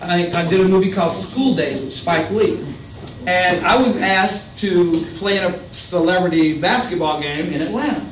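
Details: Adult man speaking; Ordinary speech.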